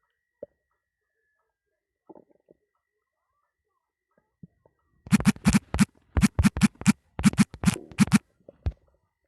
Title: Very nuts stomach growling